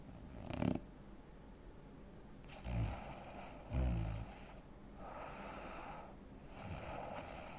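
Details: A 43-year-old man (85 kg, 165 cm) gives low, rough snores in irregular bursts, with quiet breathing pauses between breaths: snoring with obstructive sleep apnea.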